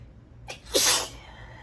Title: Stomach + allergy sneezes part 2!